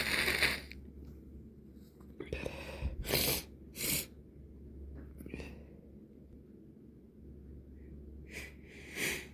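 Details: Evening sneezing from a nose irritated for days: several sharp bursts with hissing air, some muffled like held-back sneezes, over a steady low hum; repeated sneezing including stifled sneezes from a congested nose.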